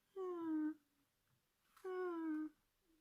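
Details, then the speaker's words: Pet cat snoring while asleep, a soft, cute little snore heard in the background. "that's that's the cat snoring yeah people that come on my live will be used to that because i very often stop and halt and we listen to her snoring she's got a really cute little snore"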